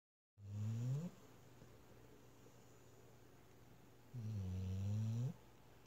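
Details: Snoring: two low, rumbling snores about four seconds apart with quiet room hiss between them.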